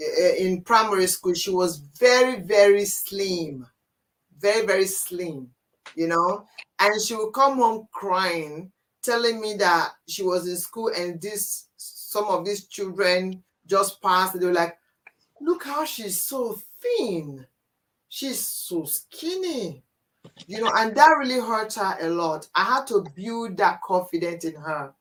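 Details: Adult speaker; ordinary speech.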